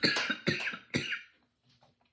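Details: Cough from a person with ALS, unsure whether from a cold or allergies, recent breathing test good with stronger diaphragm; cough.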